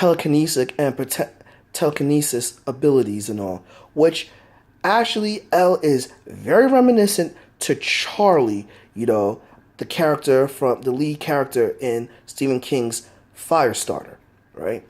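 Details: Adult man who states he has a stutter that is easily heard; stuttering.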